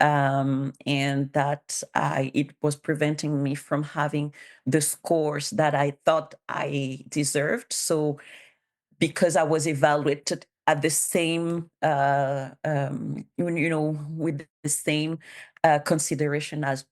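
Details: Bilingual adult woman who stutters, has self-declared her stutter as a disability, and cites speech therapist documentation; real conference speech, consistent with stuttering.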